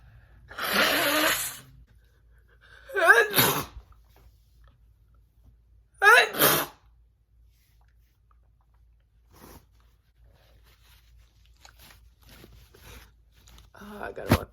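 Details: Three forceful wet sneezes, each preceded by a catching inhale, then sniffing and quiet breathing; a woman's requested messy sneezing recording.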